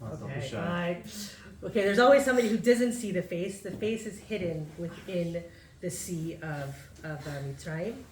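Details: Adult speaker; typical speech.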